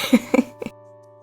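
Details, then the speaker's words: Three short, dry coughs in quick succession from a congested, nasal-sounding adult with severe sinus and allergy trouble, over steady game music. "My sinuses and allergies are off the charts. I sound horrible. My voice sounds horrific. I keep pausing to cough or sneeze."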